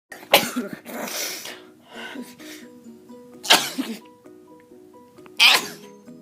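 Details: Bout of repeated sneezing, said to happen a couple of times a week: three forceful sneezes in quick succession over background music.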